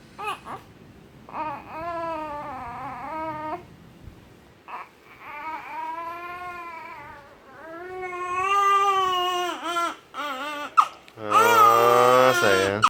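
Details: Three-day-old newborn making noises: several drawn-out, high-pitched wails and fussing sounds building to a louder cry at the end, ordinary newborn crying.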